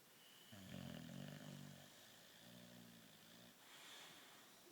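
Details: English bulldog snoring: low, buzzing snores on the breath, one longer and one softer, over steady room noise.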